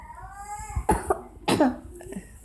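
Two short, sharp acted coughs from a child, with faint voices in the room; a plain demonstration cough.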